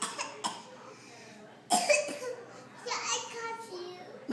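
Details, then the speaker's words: A young child gives a few short, forced cough bursts on purpose while an adult says the child is not sick; a voluntary, fake cough, not illness. "you're not coughing than you you're cuing I don't hear it but that's not real that's fake you're not sick you're not coughing"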